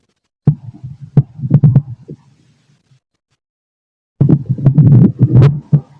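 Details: Adult male, stethoscope on abdomen after lunch: irregular low gurgles and clicks with faint heartbeat thumps; normal bowel sounds during digestion.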